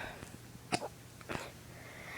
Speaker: see it's funny but not really cuz I hate hiccups I hate him it's really bad hiccups so yeah I'm bored really bored